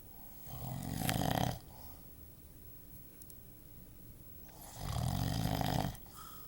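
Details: Two loud, low, rattling snores about four seconds apart with quiet breathing between; snoring.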